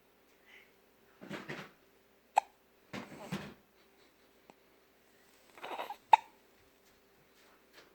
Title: Hiccups - The Sequel